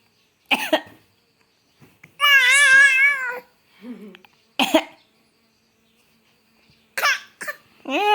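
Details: A 6-month-old boy makes a few short, forced cough sounds between wavering vocal squeals and coos, only acting as if he is coughing. Voluntary pretend cough.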